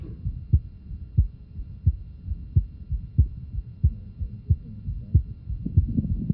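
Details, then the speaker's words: Innocent murmur from a 1993 cardiac auscultation symposium, said to be common in athletes such as a football player and to be told apart from significant murmurs like aortic stenosis or hypertrophic cardiomyopathy. "It is important to differentiate these from significant murmurs, such as those with aortic stenosis"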